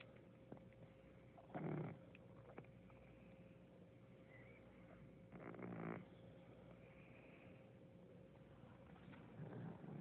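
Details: Cat at the start of an asthma-like attack, tongue out: three harsh raspy wheezing and coughing bursts over a steady background hum.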